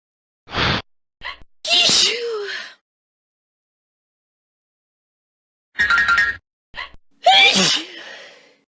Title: School Of Sneezes Compilation